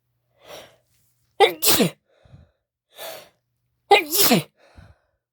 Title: Strong f wet cd chhinkni sneezes